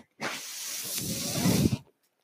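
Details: Mechanical ventilator breath from the speaker's own ventilator, heard during speech.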